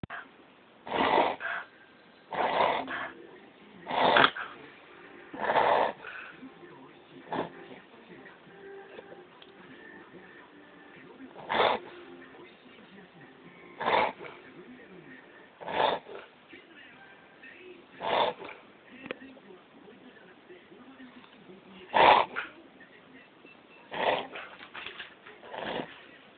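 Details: A dog has a reverse sneezing episode: about fourteen loud, snorting inward gasps through the nose in bursts over half a minute.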